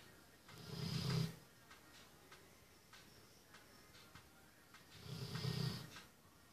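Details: Female Labrador dog snoring very loudly in sleep, with twitching while sleeping: two low, rumbling snores about four and a half seconds apart with soft breathing between; snoring.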